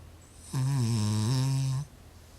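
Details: Cavalier King Charles Spaniel, a habitual snorer, gives a single long, low, buzzing snore lasting over a second in a quiet room; unusually loud snoring.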